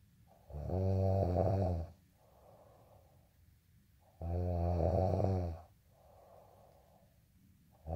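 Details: Snoring during sleep: deep, rumbling snores on each inhalation, about 17 per minute, each followed by a softer exhalation.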